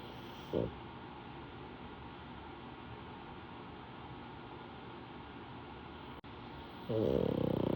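A brief snort, then a loud buzzing, rattling snore toward the end over steady background hiss. Snoring typical of a flat-faced dog.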